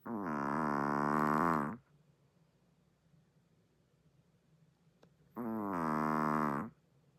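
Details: Two long, loud, moaning snores, each over a second, with a quiet pause between, from a sleeping chihuahua that also sleeps with its eyes open; loud dog snoring.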